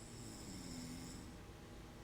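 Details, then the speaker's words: Snoring: faint, low rumbling snore from a man asleep in the background during a live stream, said to have been snoring for about an hour and getting loud; steady room noise. "not really no okay I'm just realizing he's getting really loud so I was like oh my God he's been doing this snoring for like an hour"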